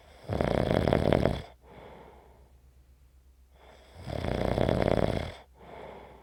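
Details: Snoring: loud rattling snores on each inhalation, about 15 breaths a minute, with quieter exhalations between; the snoring fades, grows stronger and fades again.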